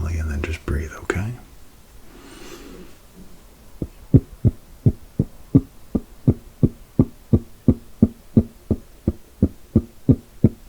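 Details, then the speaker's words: Simulated ASMR role-play exam of a concussion and fever patient: brief whispering, then regular soft stethoscope heartbeat thumps at roughly 88 per minute during breathing; the role-play doctor calls the heartbeat a little irregular, breathing good. "So, your heartbeat does sound a little bit irregular and but the breathing sounds good, which is which is exactly what we're looking for."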